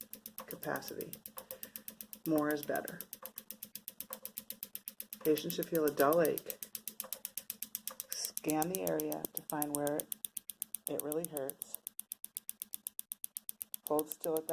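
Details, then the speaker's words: Elvation Wellwave extracorporeal shockwave therapy (ESWT) unit applied to the foot with gel and a ring-held cone, intensity being increased: rapid, steady clicking pulses about four per second, with a voice between. "put the gel and the cone holder with the cone in there with the ring on it to hold it on the top and put some gel on the foot on the eight and then put the unit on the body and increase the intensity"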